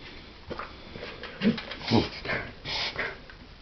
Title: Dovie reverse sneezing :-(